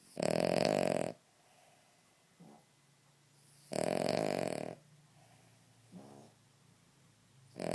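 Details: Cavalier King Charles Spaniel snoring while asleep in a quiet room: loud, buzzing snores on each in-breath, about 17 breaths a minute, with a softer snort on each out-breath.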